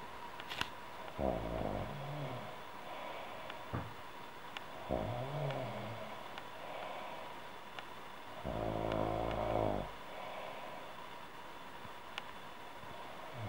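Three rumbling, vibrating snores several seconds apart, the last longest, over steady background hiss and hum.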